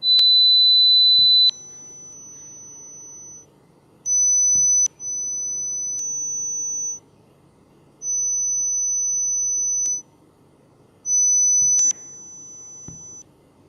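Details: Steady high pure tones, each one to two seconds, at changing pitch and loudness, played by a mobile hearing-test app: pure-tone audiometry test tones.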